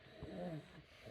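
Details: Child with croup making harsh, slightly musical stridor-like noisy breathing while waiting for an ambulance; he recovered afterwards.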